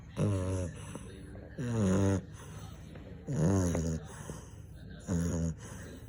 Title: French bulldog snoring